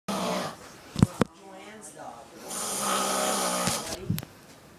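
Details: A person's brother snores loudly with a rattling snore on inhalation, with quieter breaths and a couple of snorts in between.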